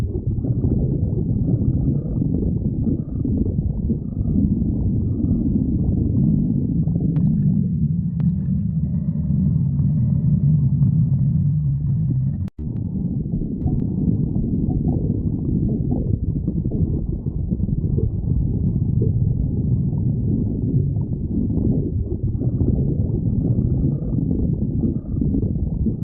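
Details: Stomach growling (borborygmi): steady low rumbling and gurgling from the belly, with a drawn-out moaning growl midway.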